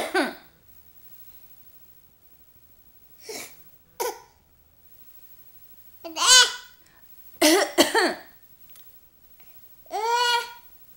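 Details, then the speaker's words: An infant imitates a cough with short, deliberate cough-like bursts mixed with voiced babbling: an imitated voluntary cough. "you cough it's very good"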